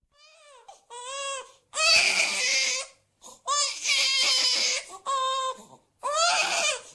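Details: Repeated high, wailing cry bursts with short gasps between them, a cartoon baby-crying sound effect (Oggy and the Cockroaches), not a real infant: simulated infant cry.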